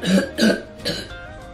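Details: A child with a bad case of croup gives three short, harsh, seal-like barking coughs with faint music behind; barking croup cough.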